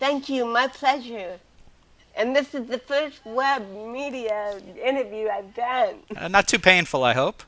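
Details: Adult woman with cerebral palsy since birth, also hearing impaired and wearing hearing aids, speaking in an interview; dysarthric speech in cerebral palsy.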